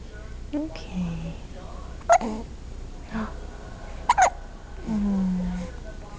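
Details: Big hiccups: sharp, brief catching sounds in the throat every couple of seconds among soft voice sounds.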